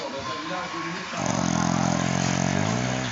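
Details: Pug snoring: a loud, rough, fluttering snore from a small flat-faced dog, rattling steadily through the breath.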